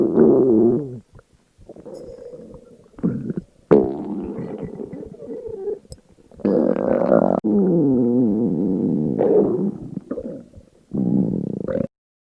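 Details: Girl fasting for 24 hours with stomach sounds recorded: long, low gurgling growls and rumbles with pitch glides in several stretches; hunger-related stomach growling, a normal sound.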